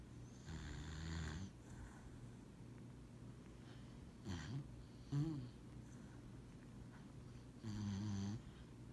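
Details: Dog snoring while napping on a lap: soft, rumbling snores repeating with each breath, over quiet room noise.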